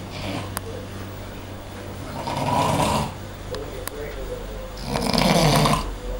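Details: Loud, harsh snoring, about 20 a minute, from a sleeping adult man in a shared dormitory room, likened to a siren.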